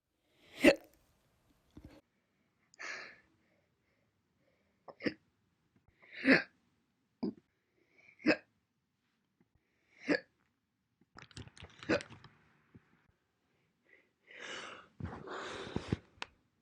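A run of single sharp hiccup sounds, about eleven a minute and unevenly spaced, in a quiet room.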